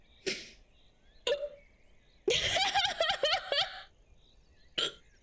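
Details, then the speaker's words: Adult woman with hiccups brought on by coughing: several abrupt, sharp vocal jerks with gasping and a brief strained, laughing-like burst between them. "oh I think I coughed and now I'm getting the hiccups I got the hiccups from coughing"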